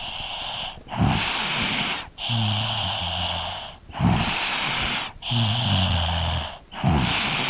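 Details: Three-year-old child snoring in sleep, field recording with a Zoom H2n: regular breathing about 20 a minute, low rattling snore on each in-breath over steady background hiss.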